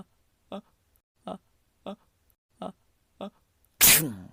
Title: Me trying to sneeze